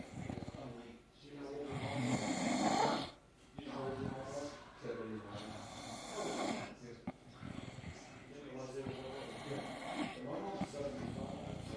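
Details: 16-year-old girl snoring: loud, rattling snores with a vibrating, buzzing quality, repeating in uneven cycles with quiet pauses between them.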